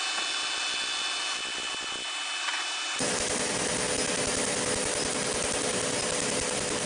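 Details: Laser tattoo removal in progress: loud steady hissing machine noise with faint rapid pulsing as the laser operates.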